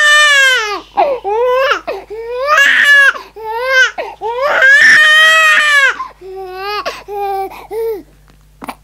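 Loud, high-pitched infant crying in repeated wailing bursts with brief gasping pauses between them.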